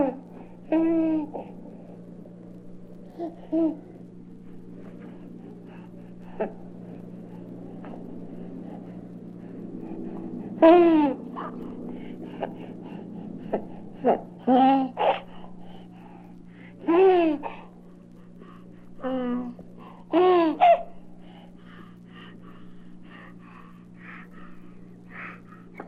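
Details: A baby coos, squeals and babbles in short bursts with quiet gaps over a steady low room hum, from a 1967 recording: normal, contented infant vocalizing.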